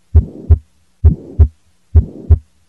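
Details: Cardiac auscultation during a cardiovascular examination teaching demonstration: heartbeat around 67 a minute with an ejection click and a rough murmur filling the gap between first and second sounds, aortic stenosis.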